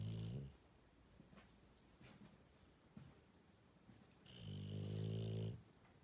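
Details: English Bulldog snoring while asleep: loud rumbling, vibrating snores separated by quiet pauses, noisy snoring through a narrowed airway.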